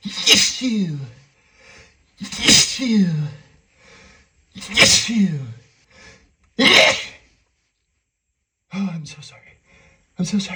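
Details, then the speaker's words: Simulated sneezing fit, acted scenario of a man hiding in a dusty closet with a dusty coat: five loud sneezes, each with sharp inbreath and explosive burst, quiet murmuring between. "Oh no, it's full of the dust. I'm going to I'm going to I'm going to sneeze. Going to sneeze."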